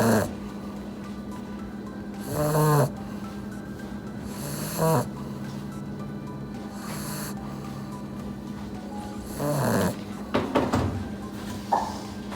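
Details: Sleeping puppy napping after hard play, snoring loudly: rattling snores every two to three seconds over a steady background hum. Snoring.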